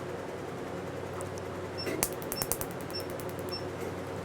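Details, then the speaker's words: Revlite Q-switched laser, first-ever treatment of a never-treated, non-coverup black tattoo under topical anesthetic: rapid sharp snapping clicks over a steady machine hum as pulses target the ink; Q-switched laser pulses. "now that is a very nice fluence I can feel in the skin um the um snapping feel when you're really targeting the ink"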